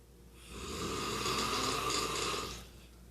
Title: Daddy snores like a chainsaw